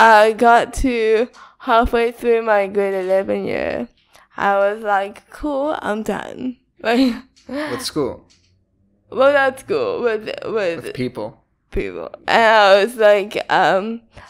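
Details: Dysarthria in a female with cerebral palsy, diagnosed at 11 months old and present since infancy; she says her speech is not very clear.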